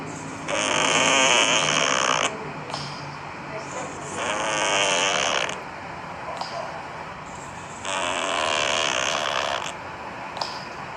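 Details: Sleeping cat snoring: loud, raspy, hissing snoring breaths in slow cycles, about three in 11 seconds.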